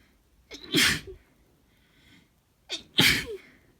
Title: Just had to sneeze